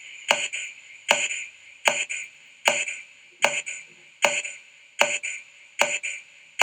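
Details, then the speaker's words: Percussion tympany: regular paired finger taps, about 75 a minute, each giving a hollow, drum-like ringing note, as heard over gas-filled organs such as the stomach, intestine or Traube's space. "El timpanismo es un sonido ocasionado por la vibración de un gas que se halla a presión dentro de una cavidad de paredes elásticas. Puede ser ligero, moderado o acentuado."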